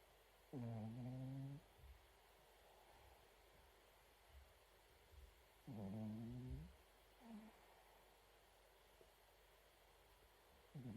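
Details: Chihuahua snoring: two long, low, buzzing breath sounds about five seconds apart with quiet breathing between.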